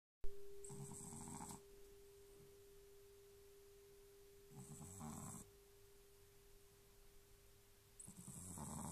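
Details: Dog sleeping with its tongue sticking out of its mouth and snoring very loudly: soft, rhythmic snoring breaths, about one every four seconds, over a steady hum; snoring.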